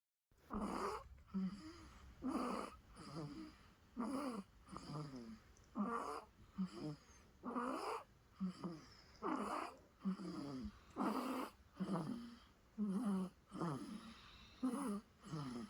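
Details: Rhythmic rattly snoring with each breath, about 34 breaths a minute, from a sleeping infant; infant snoring.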